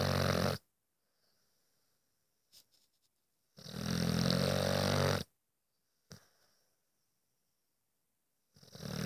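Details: Sleeping dog snoring loudly: rough, rattling snores in long bursts with silent pauses between breaths; the owner says it goes on like this all night; snoring.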